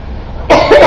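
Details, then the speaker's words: A mother's deliberate, playful adult cough after a quiet moment, done to amuse her 4-month-old son, not from illness: a voluntary cough. "There's something in my throat. It's making me cough."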